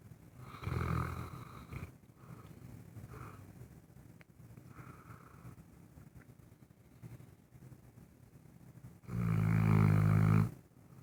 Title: Saint Bernard Zoëy having a snore.